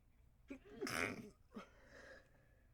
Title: Stifled Sneezes